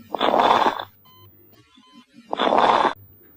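Two loud, rough breath sounds with a crackling, popping texture, heard as lung crackles, an abnormal breath sound.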